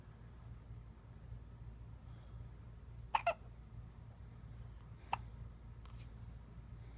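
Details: 2½-week-old infant with frequent hiccups: two or three short, sharp hiccup sounds against a steady low room hum; newborn hiccups.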